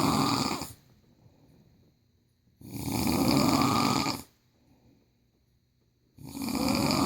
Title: Sleeping snoring